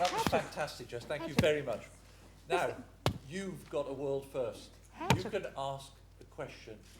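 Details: Adult man speaking; ordinary speech.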